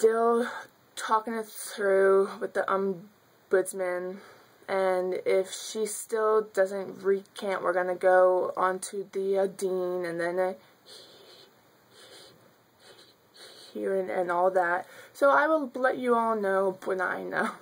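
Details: Adult woman who has stuttered since childhood, speaking spontaneously; stuttering.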